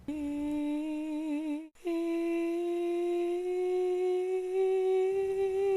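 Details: Adult voice, sustained vowel; breathy hoarse voice from vocal nodules.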